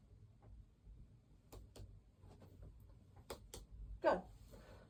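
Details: Head-to-toe examination practice: chest percussion over the back during the respiratory exam, with the patient facing the wall and gown untied, giving soft paired taps with a normal resonant note and no dullness, followed by brief speech.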